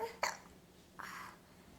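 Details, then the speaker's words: Young child with hiccups after eating grapes, while playing with a Barbie: a single short, sharp hiccup catch followed by a soft breathy sound. "You do have the hiccups."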